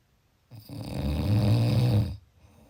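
A single loud, rumbling, rattling snore lasting over a second; snoring.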